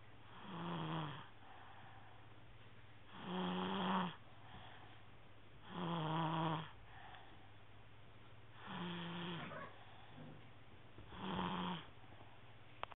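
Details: Snoring recorded on an HTC mobile phone: five rhythmic buzzing snores about 2.5 seconds apart, roughly 23 a minute, over a low steady hum.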